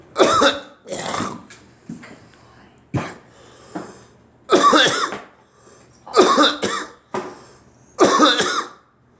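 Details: A run of about six harsh, dry coughs with short gasping breaths between them.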